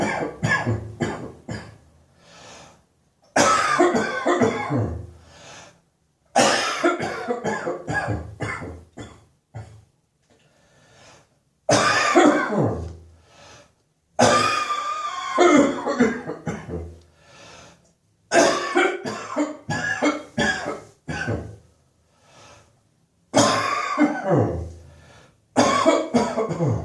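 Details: Adult's New Year's Eve morning cough: repeated fits of deep, loose coughing with short breaks between bouts, a chesty cough.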